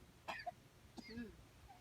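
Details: Young boy with a cough, taking cough medicine: two brief, soft coughs in a quiet room.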